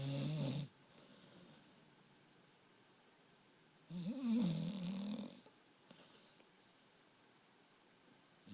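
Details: Two deep, rumbling snores with long quiet gaps, about 14 a minute, from a pit bull named Star asleep; owner says the snoring gets worse as she sleeps.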